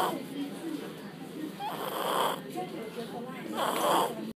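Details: Two soft, breathy snores about two seconds apart over steady room noise from a tired child sleeping; snoring.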